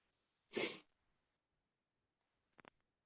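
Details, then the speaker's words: Adult who feels a cold coming on, sniffly and congested, hoping it is allergies: a single sharp sneeze in a quiet room, followed by a few faint clicks. "not this cold hoping that it's just allergies but we'll see I don't usually get my allergies like this usually it's just my sinuses and maybe a headache and whatever but this is like congestion"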